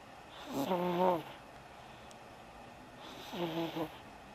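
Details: Son snoring: two tonal, buzzing snores about three seconds apart over a quiet room.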